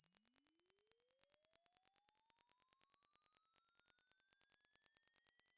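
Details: Constructed hearing-test audio sweep rising in frequency from 1 Hz to 20,000 Hz, a rough estimate of upper hearing limit, not audiologically exact; steady tone gliding from low to very high pitch with faint rapid clicking.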